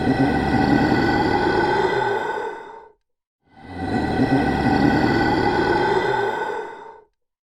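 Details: Grandfather snoring after a meal: two long, loud, rumbling snores of about three seconds each, separated by a brief pause, with a steady vibrating buzz.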